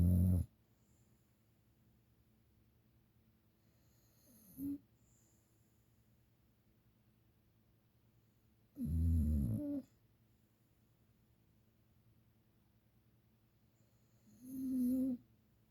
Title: My little snoring Sleeping Beauty!